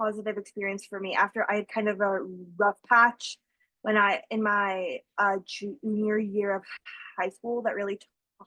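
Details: School-age girl who stutters, real person receiving speech therapy; stuttering.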